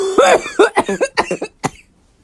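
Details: Coughing fit brought on by laughing hard at TikToks: a rapid run of about eight voiced, laugh-like coughs in quick succession, fading off at the end.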